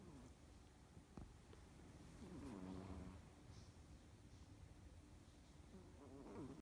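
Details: Pomeranian snoring in deep sleep: soft, rough rumbling breaths with brief whistling nasal tones.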